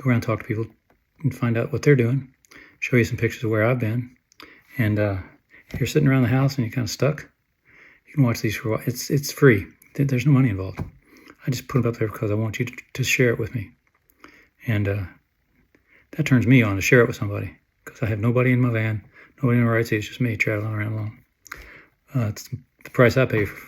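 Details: Hypokinetic dysarthria in a man with Parkinson's disease, diagnosed at 54 and lived with for 14.5 years, with flat facial affect and shuffling gait, treated with deep brain stimulation (DBS) surgery and medication.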